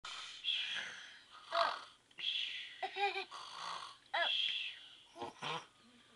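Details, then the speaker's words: A man snoring while asleep, as Luke asks whether he is snoring. "are you sleeping are you snoring while you're sleeping oops are you snoring a okay"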